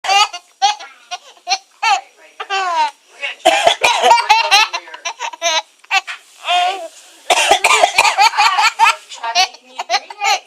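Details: A young child gives a run of playful, deliberate coughs mixed with giggles and laughter: a voluntary cough.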